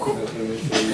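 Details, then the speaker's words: A man vocally imitates hyperactive bowel sounds heard by stethoscope on the abdomen, as with diarrhea or a sensitive, inflamed intestine: rapid, gurgling, shifting tones like a radio being tuned. "Uno que está con diarrea, o su intestino está bien sensible, está inflamado. Así suena, pues. En serio, pues, va a escuchar. Es como una radio, una sintonía, ¿verdad?"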